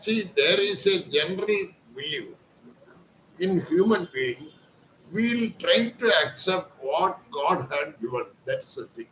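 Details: Adult man speaking; typical adult male voice.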